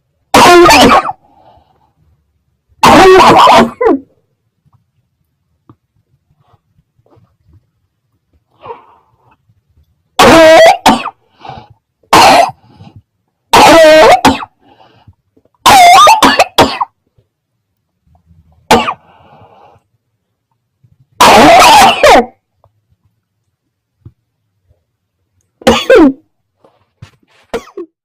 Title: Coughing 1